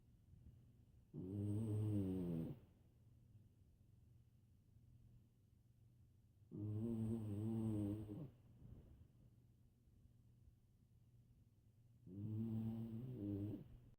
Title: Sadie snoring like a freight train!